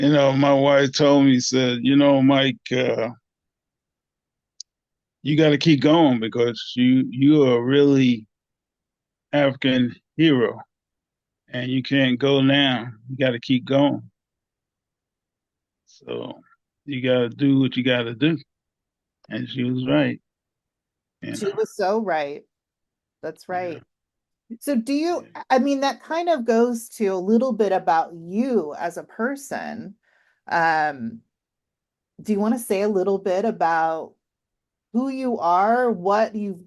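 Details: Aphasia in a 67-year-old man, 9 years after two strokes (January 2015 and March 2016), unable to talk on waking after the first stroke, treated with speech therapy.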